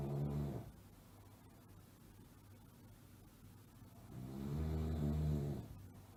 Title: Snoring Sound Effect Schnarchen Geräusch Sound